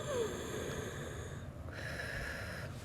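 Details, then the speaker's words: Adult speech pathologist imitates a harsh, high-pitched whistling breath in to demonstrate vocal cord dysfunction (paradoxical vocal fold movement), where the vocal folds close on inhalation: inspiratory stridor. "our world, we call that stridor or just a noisy sound with inhalation."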